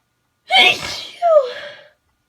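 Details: Person who has been unusually sneezy for unknown reasons, with a stuck sneeze that keeps almost coming: one forceful sneeze with a voiced catch and a trailing vocal release after a held-back urge.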